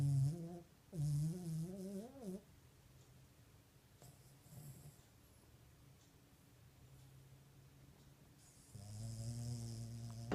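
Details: Low, buzzing snoring during sleep: a few rough, vibrating breaths separated by a quiet pause.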